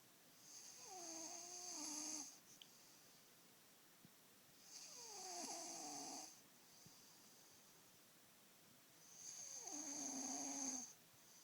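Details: Boy snoring loudly, keeping his father awake: three long, rattling, whistly snores on each in-breath, about 14 a minute, quiet pauses between.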